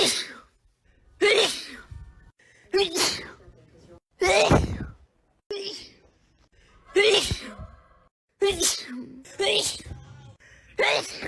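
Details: A rapid series of about eight loud, explosive sneezes, each a sharp burst with a short gasp before some: sneezing.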